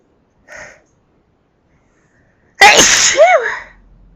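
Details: Loud sneezing: a soft intake, a pause, then one loud explosive sneeze with a voiced trailing cry.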